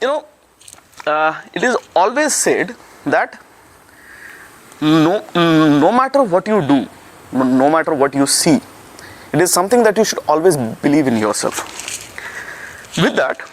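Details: Male speaker with his own stammering, which he calls a manufacturing defect he cannot fix but has found a way to deal with; stuttering.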